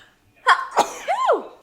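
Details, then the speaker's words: A single sneeze from an adult mother who says her allergies are bothering her and she is sniffling: a sharp explosive burst trailing into a voiced tail. "let me move over here since she's chilling on her play gym oh i feel like i have to sneeze"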